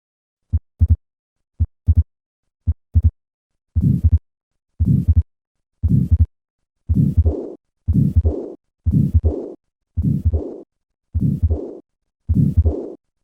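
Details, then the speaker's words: Repaired tetralogy of Fallot: three normal beats, then added systolic murmur of residual pulmonary stenosis and short diastolic murmur of pulmonary regurgitation, with widely split second heart sound; regular rate near 56 a minute. "listen once again to the murmur of combined pulmonary stenosis and regurgitation and notice the widely split second heart sound common in these patients"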